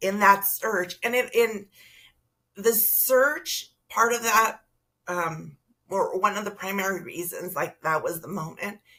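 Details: Adult woman with spasmodic dysphonia that began with stress in her first year as a teacher and took two years to diagnose; treated with Botox injections every few months, recorded at the end of her three-month cycle; spasmodic dysphonia.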